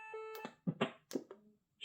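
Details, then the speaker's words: Training AED delivering a shock after it analyses the heart rhythm and advises a shock for a shockable rhythm (VF), with prompts to stand clear and press the flashing shock button: electronic tones and a short burst of device sounds. "shock at advised do not touch the patient everyone clear press the flashing shock"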